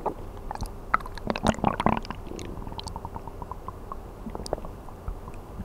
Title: 【ASMR】空腹で寝てる時のお腹の音1時間/Stomach sound for 1 hour when sleeping on an empty stomach